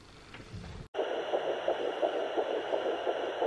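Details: Fetal heartbeat on a Doppler monitor in a surrogate pregnancy at about 9 weeks: rapid, regular whooshing pulses over steady hiss, about 170 a minute.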